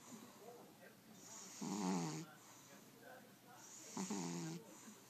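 Two loud, rattling snores with soft breathing between them, a few seconds apart.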